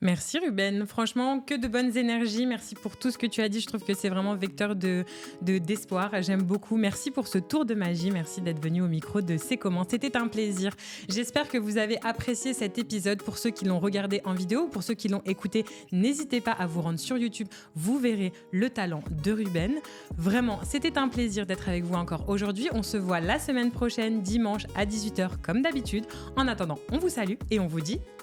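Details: Adult male speaker; normal fluent speech.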